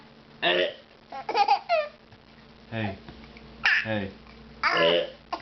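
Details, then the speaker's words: Infant laughing while eating sweet potatoes: short, sharp voiced catches, several in a few seconds, mixed with laughing babble and some coughing; hiccups. "You can't laugh because you hiccup."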